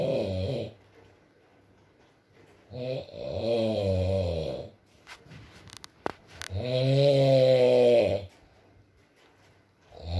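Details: ASMR recording of a sleeping man (boyfriend) snoring, with rain in the background: long, loud, rattling snores on each in-breath, roughly 17 breaths a minute, with quiet pauses between; habitual snoring.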